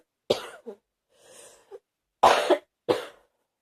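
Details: Adult, feverish with no energy and a heavy feeling in the chest, cough getting stronger: four abrupt, harsh cough bursts, one followed by a softer breathy exhalation; repeated cough.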